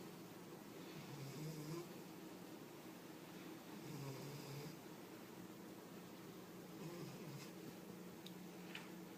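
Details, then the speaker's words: Cat sleeping on a table snoring: soft low rumbling snores, about three in nine seconds, over quiet room noise while owner tries to wake him. "Rex, you're snoring. Rexy, you're snoring. Rexy, wake up. You're snoring."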